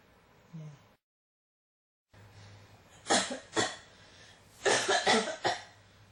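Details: Persistent cough that won't stop: two separate coughing episodes with about six harsh, dry cough bursts in total.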